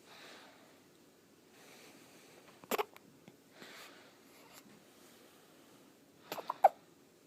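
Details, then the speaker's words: A person with hiccups: soft breathing with sudden short sharp clicks and catches in clusters; hiccups. "You got the hiccups? Somebody's got the hiccups. Somebody's got the hiccups."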